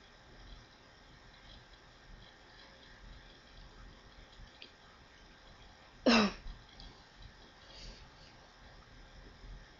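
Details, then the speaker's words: A single short cough or throat clear over steady background hiss, from a person who is still unwell; an isolated cough. "Sorry for the amount of coughing."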